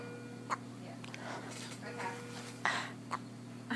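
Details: A young boy's short, abrupt hiccup sounds recur every second or so over a steady background hum; hiccups.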